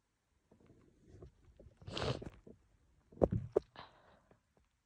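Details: Woman with a cold combined with allergies, congested; quiet sniffs, then a forceful hissing burst and two sharp explosive bursts; run of sneezes.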